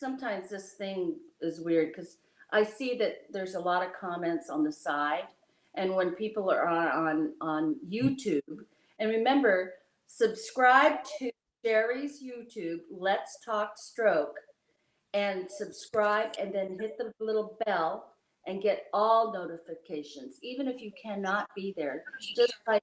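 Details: Adult speaker; Normal speech.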